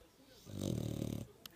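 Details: Snoring in a very tired dog sleeping with its eyes open: a single rough, fluttering snore lasting under a second.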